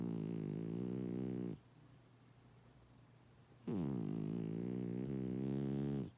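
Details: Loud, buzzing snores from a sleeping fat cat during a nap, with two long rattling breaths separated by a quiet pause.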